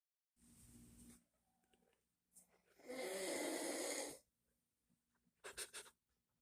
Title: Snore Symphony: The Epic Compilation of My Dad's Nocturnal Masterpieces! 🎶💤